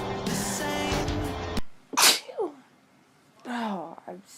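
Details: A sharp, explosive sneeze after a burst of background music, followed by a brief vocal sound; one sneeze.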